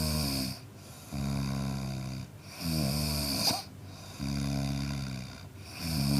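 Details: Adult man snoring: loud, buzzing, rattling snores with each breath, about 20 breaths a minute; heavy snoring.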